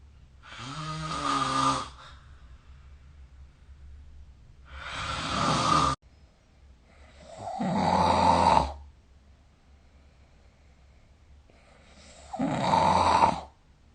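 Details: Four rough, rattling snores about every four seconds during sleep in a quiet room, recorded with the SnoreLab phone app.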